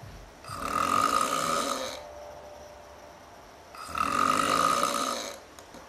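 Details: Two loud, long, harsh rattling breaths about three seconds apart with quiet gaps between; extreme heavy snoring.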